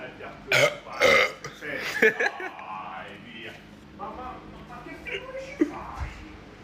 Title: Burps Compilation